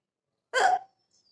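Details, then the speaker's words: Single short, abrupt voiced catch of about a third of a second in a quiet room: an adult storyteller imitating a hiccup to introduce a children's story about hiccups. "hiccups. Now what was that? Hiccup means Hichki"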